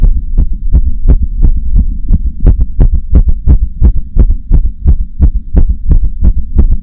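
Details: Heartbeat: a steady run of quick, deep thumps, fairly fast, over a low constant hum.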